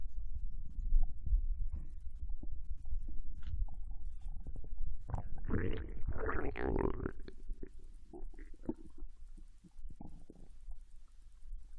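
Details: Japanese girl recorded lying on her side in bed while digesting ramen: low gurgling and rumbling with irregular bubbling bursts, loudest in the middle. Normal bowel sounds during digestion.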